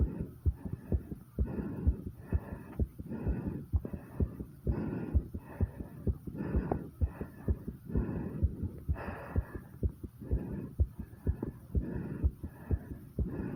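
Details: Heartbeat after 50 squats: rapid, regular heartbeat near 128 a minute with swelling heavy breath noise, exercise-induced tachycardia.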